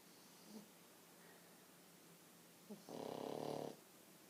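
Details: French bulldog asleep on the owner's legs: quiet room, then one short buzzing, fluttering snore as the dog breathes in; snoring.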